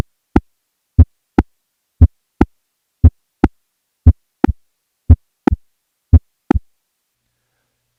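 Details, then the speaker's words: Patient with a mechanical aortic valve replacement: regular heartbeat near 58 a minute with a crisp, sharp mechanical valve click at each second heart sound. "I'll give you an example of a mechanical AVR click first I'll play a normal S1 and S2 so those sounds are fresh in your mind for comparison now here is a patient with a mechanical aortic valve"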